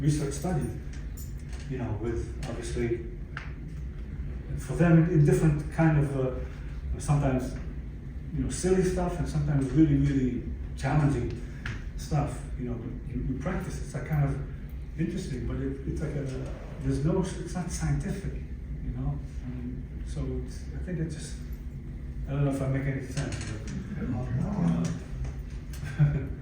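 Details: Adult stroke survivor with aphasia from a stroke about 11 years earlier, speaking in a chronic post-stroke recovery phase; finding: aphasia.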